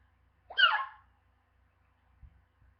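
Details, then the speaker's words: Real, ongoing hiccups, described as painful and echoing in the house: a single sharp, abrupt voiced gasp in a quiet room, a hiccup. "And they hurt. They hurt my ears. And it echoes in my house."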